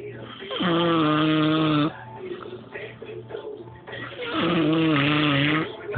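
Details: Two long, loud, droning vibrating breaths with quieter breathing between, recorded on a phone of a sleeping man; snoring.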